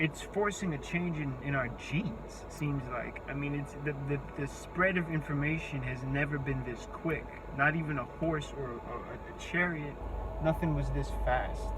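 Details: Speech impediment in an adult man, self-reported. His words break down completely when speaking face to face, so he has to take breaks.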